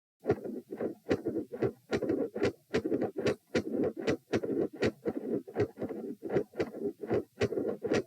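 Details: Heart sounds recorded at position p, lying down, during attempts to provoke murmurs: loud S1 and S2, both split, with a midsystolic murmur.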